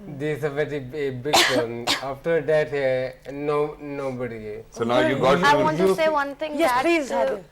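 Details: Adult man with ataxia since about 2007, symptoms starting about a year after his marriage: ataxic dysarthria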